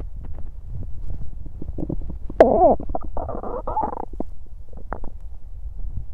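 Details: Digesting sounds from a woman's belly: gurgling, bubbling abdominal sounds with a longer squeaky rumble, typical of active digestion.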